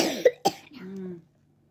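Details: Child with a cough and cold, recently back from hospital and about to take medicine: two short, sharp coughs, then a brief voiced sound.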